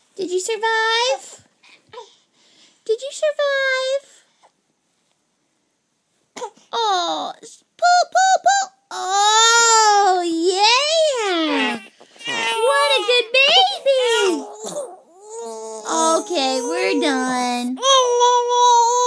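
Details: Infant during tummy time, practising rolling: fussing that builds into loud, rising and falling crying with brief pauses; ordinary infant cry.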